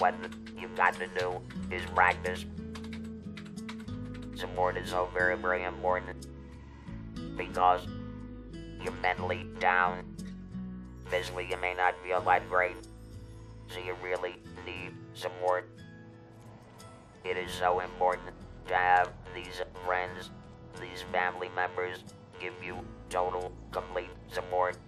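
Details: Electrolaryngeal speech, somewhat mechanical sounding, from an adult male after laryngectomy for larynx cancer, who has used the electrolarynx for about 14 years.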